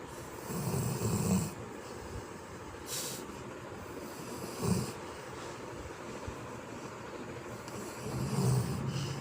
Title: A snoring dog wouldn't wake up 😂🤣 #dog #labrador #sleep #funny